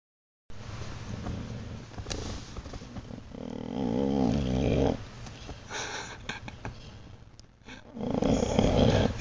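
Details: Sleeping dog snoring like an old man: low rattling snores, with a louder rough, growly snore in the middle and at the end.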